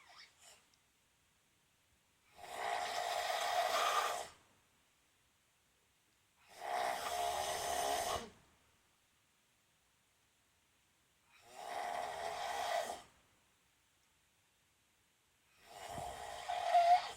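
Four rough, rattling snores on breathing in, separated by silent pauses, about 14 breaths a minute; ordinary snoring.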